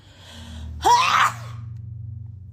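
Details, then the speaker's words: Person with allergies and a runny nose during a sneezing fit: a sharp in-breath followed by one forceful, explosive sneeze over a low steady hum. "I feel sneezing fit coming. It comes and it goes."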